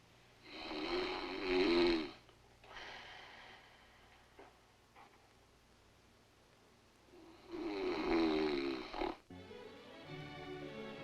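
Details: Simulated snoring acted for a 1968 film scene: two loud, rattling snores separated by a long pause, with light music in the background.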